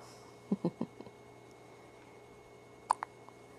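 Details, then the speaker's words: Child with hiccups: quiet room with a few short, abrupt low bursts, several near the start and two more later; hiccups. "has the hiccups. Yes. Uh-oh. They stopped. Oh, never mind."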